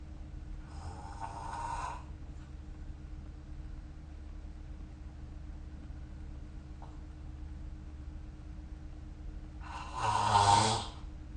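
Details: Two breathy, rasping snores about nine seconds apart with steady room hum between, ordinary sleep snoring recorded with the SnoreLab app.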